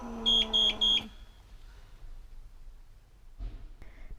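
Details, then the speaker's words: Three quick high-pitched beeps over quiet room noise: low-pressure alarm on a PneuPac ParaPac transport ventilator in a demonstration, sounding when pressure drops below 10 cmH2O, suggesting a leak, insufficient tidal volume or faulty patient-circuit valve. "low pressure means leakage or insufficient tidal volume all settings or a faulty valve in the patient's circuit this alarm tends to occur when pressure drops below 10 centimeters of h2o"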